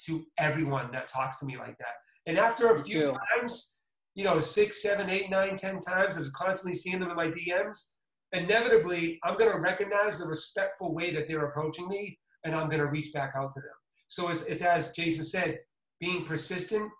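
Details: Adult man; typical speech.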